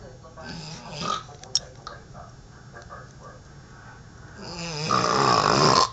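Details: Harsh, loud rattling snore toward the end after faint breathing and background noise; snoring.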